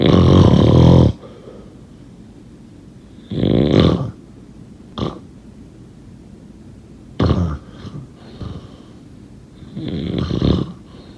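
Loud, rough snores come in irregular bursts, some long and some brief, with quiet pauses between them.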